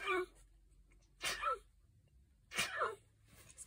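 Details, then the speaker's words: Sneeze that snuck up mid-talk: a voiced burst, then two sharp sneezes about 1.3 seconds apart, each a sudden gusty blast with a short voiced tail. "i found the graphic 45 oh no i'm gonna sneeze"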